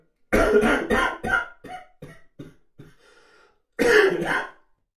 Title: Dry cough sound effect | Male dry cough